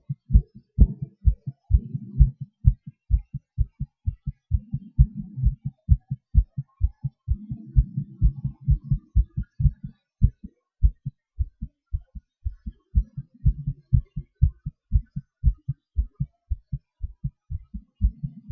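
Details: Person's own heartbeat recorded during breath-holds, panting and hyperventilation: strong, regular low thumps whose pace rises and falls, averaging about 128 per minute, with breathing noise between; heartbeat with changing rate.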